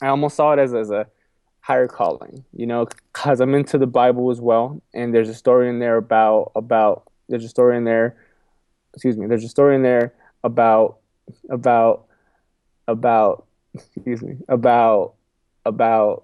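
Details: Adult man who has stuttered all his life, repeating a phrase and words several times and saying 'excuse me'; stuttering.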